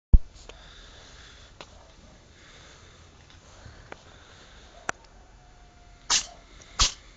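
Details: Cat (Murik) sneezing: two quick, sharp sneezes near the end, after a sudden burst at the start and faint clicks amid quiet room noise.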